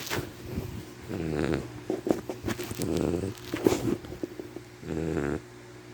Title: Baby bubbles snoring😴😴😴😪😪😪😪🐶🐶🐶🐶